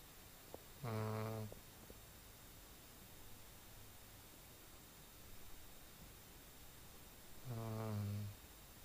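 Two low, buzzing inhalation snores about seven seconds apart, with quiet breathing between them in a still room.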